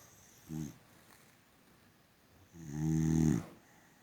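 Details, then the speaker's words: Sleeping female boxer dog: a brief snort, then a long, rumbling, buzzing breath; snoring. "Are you snoring and sleeping, gorgeous?"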